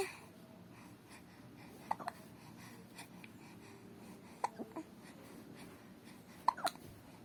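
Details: Hiccups: three soft, abrupt hiccup sounds, some followed by a smaller second catch, over low room noise.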